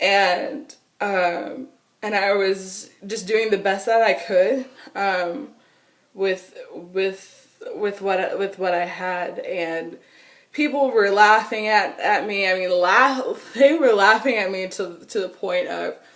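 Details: Adult woman with stuttering since she began talking in childhood, persisting into adulthood; she says nervousness, excitement or anger intensify it and phone calls make it much worse.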